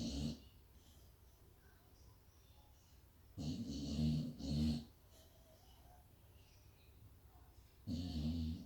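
Loud, rough snorting snores from a sleeping dog, coming in bursts separated by quiet pauses; ordinary snoring.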